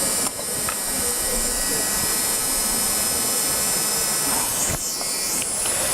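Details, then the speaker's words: Dental micromotor with flame-shaped bur creating a labial bevel on a front tooth, adjacent tooth protected, in a conservative dentistry demonstration: steady high-pitched motor whine with hiss. "First step, to create what? To create bevel. So I have a micromotor out here and I make use of the flame shaped burr"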